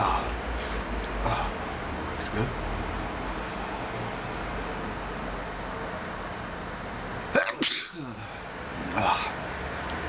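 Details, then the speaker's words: Single sharp, explosive adult sneeze over steady room noise, deliberately induced by tickling inside the nose with a plastic fork tip; sneeze. "Okay, there. I'm gonna try to sneeze a few more times. Using a bit of a fork this time. See how it works. I feel a tickle."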